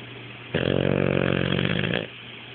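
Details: Pet sleeping with half-open eyes and snoring: a single loud, rattling, buzzing breath lasting about a second and a half.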